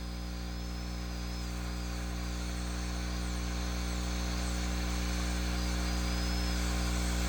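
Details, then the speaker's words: Child's mandibular left second primary molar with gross caries, under rubber dam, prepared for stainless steel crown: continuous low handpiece hum and buzz with faint thin whine as the bur reduces the distolingual cusp mesiodistally. "Position the burr at the angle of the cusp slope and pass it mesiodistally over the cusp, following its anatomy."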